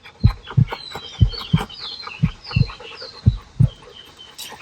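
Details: Stethoscope on a dog's chest: dull low lub-dub heart sounds, about one pair per second; dog heartbeat.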